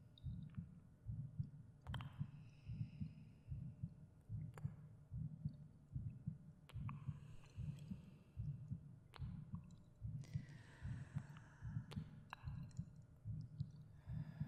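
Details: Creator's own heartbeat, about 74 a minute, with regular low thumping, soft breathing and faint 3D/binaural cave echo effects. Recorded under a soft-spoken ASMR guided meditation for relaxation and sleep. Normal heart rhythm.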